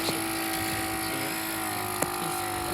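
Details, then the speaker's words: Portable suction unit, shown in a helicopter emergency medical service (HEMS) equipment demonstration, running continuously with a steady motor drone and hum and faint clicks; it collects fluids such as blood or vomit from the mouth. "it's like a little it's like a Hoover for fluid yeah that make sense yeah there you go so we call it suction we use it when people got stuff in their mouth"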